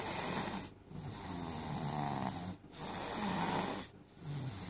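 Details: Adult snoring: loud, rough, rattling snores filling most of each breath, with brief quiet gaps, about 40 breaths a minute.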